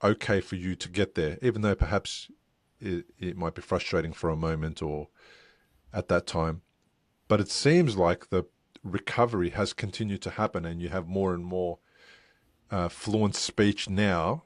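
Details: Adult man speaking; unaffected speech.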